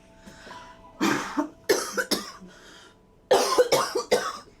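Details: Adult woman smoker with asthma, coughing during a peak flow test after a deep breath in; several short, harsh coughs with faint background music.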